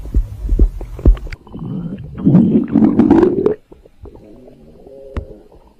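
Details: Irregular low gurgles, squelches and rumbling bubbling bursts from the belly, fading to quieter churning: ordinary stomach growling (borborygmi).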